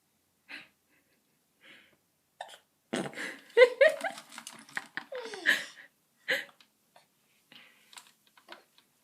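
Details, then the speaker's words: Hiccups in an infant in the morning, quieter than earlier: short sharp catches at irregular intervals mixed with small vocal sounds in a quiet room. "and he is having the hiccups this morning so I thought I'd take a video of it"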